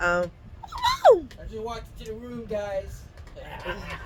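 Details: Adult speaker; speech.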